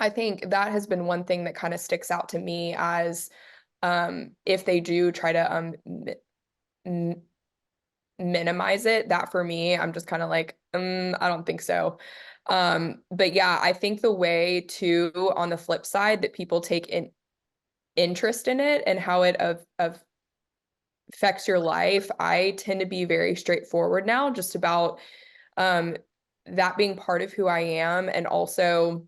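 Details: Adult who stutters, speaking as a panelist on dating and stuttering; repetitions and blocks audible; stuttering.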